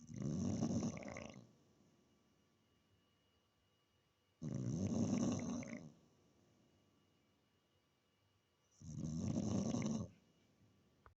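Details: Staffordshire bull terrier sleeping and snoring loudly: rattling snores, three in about eleven seconds, with quiet pauses between breaths.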